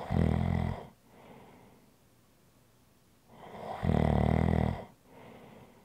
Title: ASMR Snoring Sounds - Relax with me